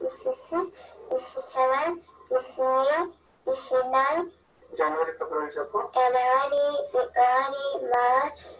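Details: Speech sample presented as a more severe case of velopharyngeal dysfunction than earlier examples, in an assessment webinar; hypernasal speech (velopharyngeal dysfunction).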